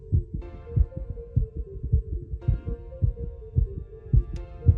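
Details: Dog heart murmur, faint but audible: quiet, regular low heartbeats at about 110 a minute with a murmur between beats, under a steady hum.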